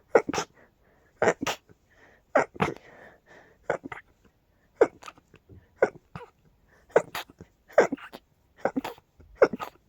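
About eight rapid paired sneezes, each a sharp burst with a quick snort, coming in a fast run with short breaths in between.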